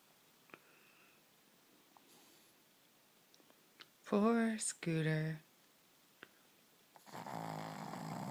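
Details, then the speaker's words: Pug snoring during nightly sleep, heard every night: quiet room, then two short nasal snorting, whining snores and a rising rattly breath, typical flat-faced dog snoring. "This is what we have to endure every night. And you thought your husband or wife snored badly."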